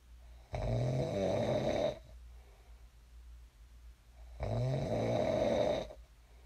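Two long, loud, rattling snores on breathing in, separated by a quiet pause; ordinary snoring during sleep.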